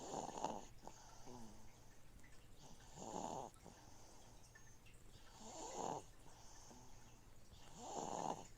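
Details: Baby snoring while a noisy fishtank filter cycles water in the background.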